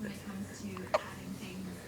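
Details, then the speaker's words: Little boy with hiccups that appear to hurt him: a single short, abrupt hiccup against soft background voices; hiccups. "oh it looks like it's hurting him you're such a tough little guy hiccups you can beat those hiccups another one"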